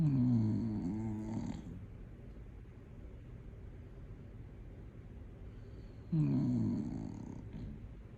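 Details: Small pet dog snoring during sleep: two loud, rumbling snores about six seconds apart with quiet breathing between. The owner says she snores very loudly, and this isn't even her loudest.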